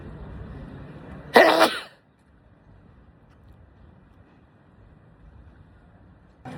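A single short, harsh throat-clearing burst, then quiet room noise.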